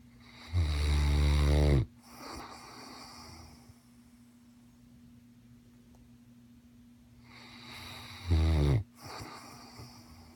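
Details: Snoring mastiff asleep: loud, low, rattling inspiratory snores, two heard with a quiet pause between; plain snoring.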